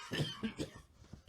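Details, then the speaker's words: Chronic cough in a man, a persistent cough over many years that progressed to wheezing and breathlessness, described as asthma, disturbing sleep and daily activity: three short, harsh cough bursts in quick succession in a small room. "日复一日的咳嗽，把折磨得白天不能活动，晚上无法入睡。"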